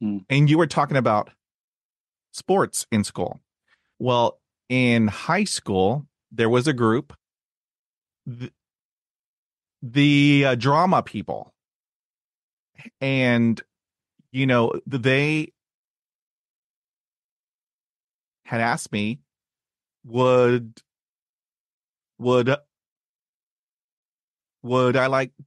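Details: Stuttering since childhood in an adult man, with speech therapy at age 5 and in his 20s; blocks and repetitions, especially on cold reads.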